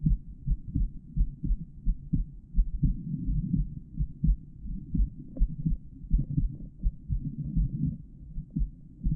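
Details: Real normal adult male heartbeat recorded through a stethoscope with a microphone inside the earpieces, auscultated over the different heart valve areas.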